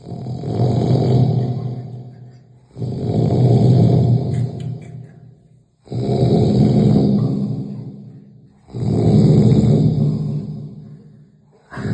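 Loud, deep, rumbling snores on each breath in, about 5 breaths a minute here, with short quiet gaps; heavy snoring.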